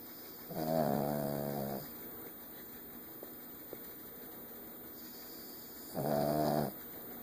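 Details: Sleeping dog giving two buzzing, whistling snores on breathing in, separated by a quiet pause; snoring.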